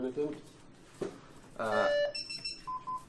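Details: AED power-on tones in a CPR and AED first-aid tutorial: a brief voice, then electronic beeps and tones from a training defibrillator switching on after chest compressions, before it prompts to connect the electrode pads, in a small room.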